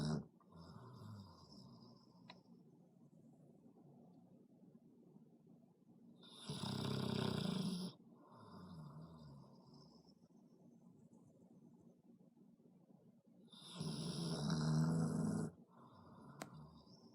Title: Bear Snores